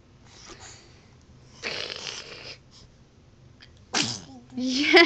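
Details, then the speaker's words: A single loud, explosive sneeze after a brief inhaled build-up, recorded while a girl played with bubbles and reached for the camera; faint background sounds beforehand. "we gotta sneeze. She's like, that's sort of funny, Mom, but not while the camera's running."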